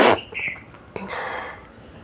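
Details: Sneeze brought on by tickling the nose with paper during a 100-sneeze challenge: a loud explosive burst followed by a voiced trailing exhale.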